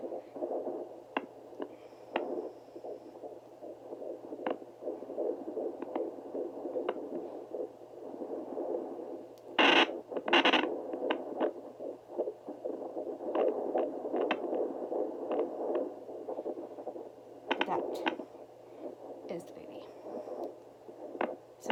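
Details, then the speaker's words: Fetal heartbeat on a handheld home Doppler at 12 weeks of pregnancy, 19-year-old mother carrying a girl: fast rhythmic pulses with placental swishing, steady hum and scraping probe noise, probe pressed low at an angle. "that swishing sound is the placenta right there and that sound you heard very quickly was that quick sound that you that was the baby"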